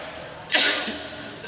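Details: Single short, sharp dry-sounding cough from an adult against steady low room noise; person described as having cough, cold and fever.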